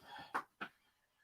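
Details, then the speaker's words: A female bulldog sneezing indoors, panting heard afterward: two quick, sharp nasal bursts a quarter second apart after a soft rustle in a quiet room. "bulldogs did you hear that sneeze oh my gosh baby girl you okay okay sweetheart"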